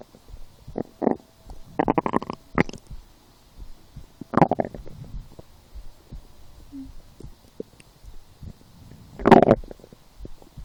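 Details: Stomach growling while lying down, felt as hunger after skipping breakfast, a small lunch and two doughnuts four hours later: bursts of gurgling, rumbling noises separated by quiet pauses; borborygmi.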